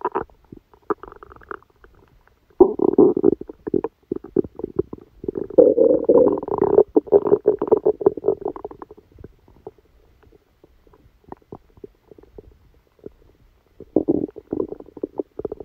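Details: Stomachache after Christmas dinner, recorded while the person slept: frequent irregular gurgling and rumbling with bursts of active churning and brief quiet gaps; active bowel sounds.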